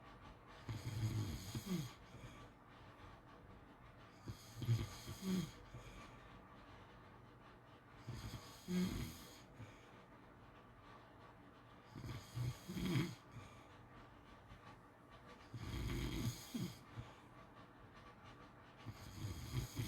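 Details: Snoring during sleep: rumbling snores on each breath in, about six in twenty seconds, roughly 16 breaths a minute.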